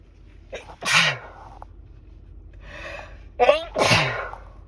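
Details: Sneezing bout: two rapid sneezes in quick succession, each with a voiced lead-in and a sharp explosive release.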